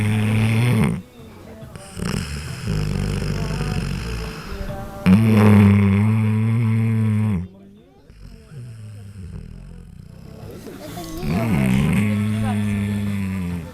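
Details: Loud, deep, fluttering snores from a dog named Frank, several long rattling breaths in a row with brief quieter gaps: snoring.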